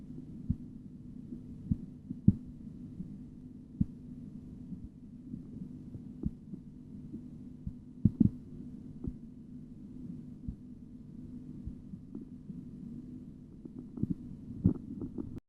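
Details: Blood pressure measurement by auscultation, in a tutorial: soft, irregularly spaced tapping thumps over a steady low hum. These are Korotkoff sounds.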